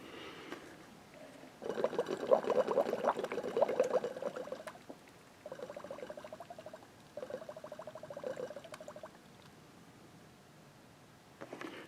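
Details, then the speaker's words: Bursts of rapid bubbling through water with pauses: air escaping the low-pressure tube of the water-column manometer at about 5 cm water, on a shop-built hand-operated, pressure-regulated, non-rebreathing emergency ventilator run on oxygen. "water and this one when it's bubbling out the end as at about five centimeters of water this is the more accurate gauge"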